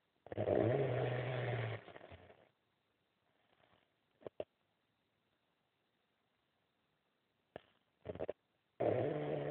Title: Snoring asian 2